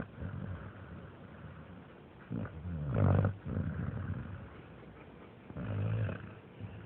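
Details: American Staffordshire terrier (amstaff) dog asleep: low rumbling snores with louder rattling inhalations recurring every few seconds; ordinary snoring.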